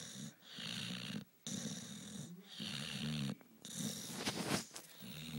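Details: Dog in deep sleep, not waking when called, with loud, rattling snores on each breath and brief quiet pauses between them; the noisy fluttering sound of snoring.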